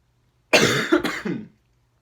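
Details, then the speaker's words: Breath stacking demonstration: staged deep breaths in with pauses until no more air fits, then a single forceful two-part cough, showing how stacking helps produce an effective cough. "and then if you can, breathe in a little bit more until you can't breathe anything else out, and then it's going to kind of force you to cough."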